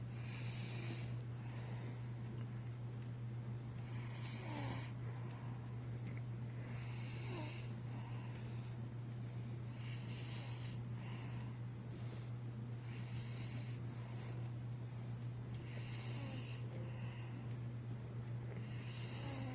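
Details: Young son deeply asleep, snoring heavily and unable to be woken: soft, repeated snorting snores with each breath over a steady low electrical hum; snoring.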